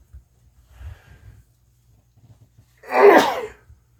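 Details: Faint low breathing, then one loud explosive sneeze, part of a long, continuing bout of repeated sneezing; sneeze.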